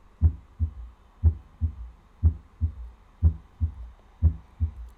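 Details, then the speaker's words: Normal heart sounds on an auscultation simulator, heard at the mitral valve point: steady lub-dub at about 60 beats a minute with clean silent gaps. "Ну что поехали и для начала мы с вами послушаем норму сначала в точке аускультация митрального клапана"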